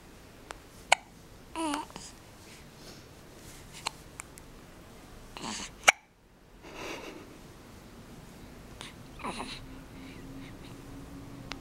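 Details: Hiccups: a few brief, sharp catches over about twelve seconds with soft vocal sounds between them, in a quiet room.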